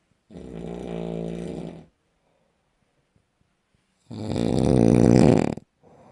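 Two long, loud, rattling snores with a quiet pause between them; heavy snoring.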